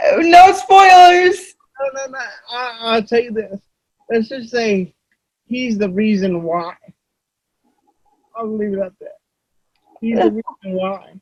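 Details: Adult man with dysarthria due to cerebral palsy.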